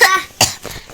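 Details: Two short, sharp cough bursts from a child who says she currently has a cough, recorded while playing a game; cough.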